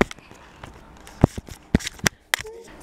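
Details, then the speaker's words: Baby girl grinding her teeth and gnawing on her crib rail, leaving marks and drool: irregular sharp clicks and scraping bursts of teeth grinding (bruxism). "oh my goodness you guys I can hear huh I can hear the teeth grinding don't eat your crib"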